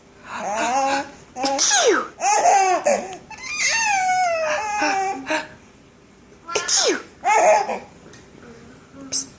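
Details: An infant giggles and squeals with laughter in response to repeated sneeze-like bursts that sound playful, possibly put on; sneezing.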